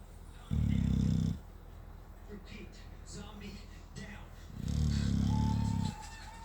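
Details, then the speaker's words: The animated character Po snoring: two long, low, rumbling snores a few seconds apart over faint background noise; imitated snoring from an animation. "Who is snoring? Yeah."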